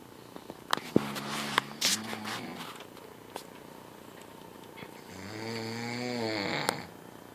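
Two drawn-out, vibrating breaths with clicks and rustling between them, a rough rattling snore on each breath.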